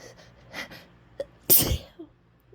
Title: Holdbacks, "I'm not gonna sneeze", nose blowing, talking. (F)